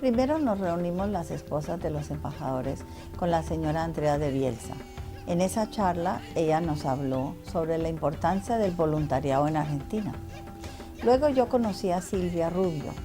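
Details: Adult woman; normal speech.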